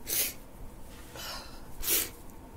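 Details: Person with a cold and stuffy, runny nose: loud hissing sneeze bursts with sniffing between them, then a wet nose blow.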